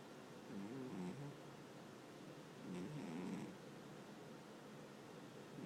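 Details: Two soft, rumbling snores about two seconds apart against quiet room noise during sleep; light snoring.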